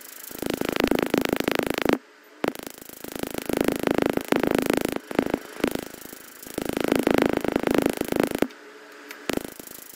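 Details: Rapid bursts of sharp snapping laser pulses, about 200 a minute, in runs with short pauses, from a powerful new laser removing a fabric-colour tattoo after an earlier removal attempt failed.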